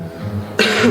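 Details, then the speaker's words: A single short acted cough after quiet low room sound, in a simulated demonstration of cough and sneeze etiquette: cough. "Saat Anda batuk, gunakan masker agar orang lain tidak tertular."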